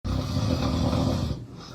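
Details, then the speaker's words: Adult man (husband) snoring while fast asleep lying on his back, a loud congested roar that stops when he is rolled onto his side: one long, loud, deep rumbling snore on the in-breath, fading at the end. "Whenever he's fast asleep and lying on his back, he starts sawing logs loudly with pride until I punch him in the arm and roll him on his side. Oh, yes, he snores."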